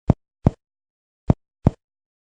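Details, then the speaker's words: Four short hollow percussion taps in two pairs over the upper left anterior chest, first and second intercostal spaces, in a medical-student respiratory exam demonstration; clear resonant lung note, normal. "ahora bien en el lado izquierdo vamos a encontrar en el primero y segundo espacio intercostal el sonido claro pulmonar"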